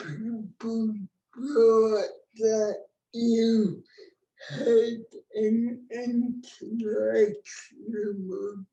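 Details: Dysarthria in an adult woman with cerebral palsy, a disability rights activist born before the ADA; real speech, no speech disorder formally named.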